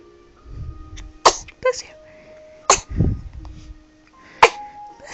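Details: Three small, sharp sneezes over a few seconds on his first night home, the third catching him by surprise; soft music and quiet voices in the background.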